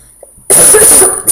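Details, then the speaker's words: Adult who just took prescribed cough medicine gives one loud, harsh cough burst, somewhat distorted by the recording; a single cough. "gosh sorry about the coughing sorry"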